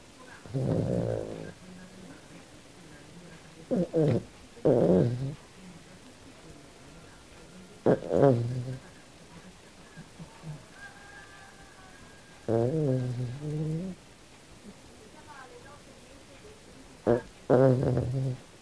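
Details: Sleeping, dreaming Australian silky terrier, original audio: irregular short grunting and whimpering sounds with low snorts; snoring mixed with sleep noises.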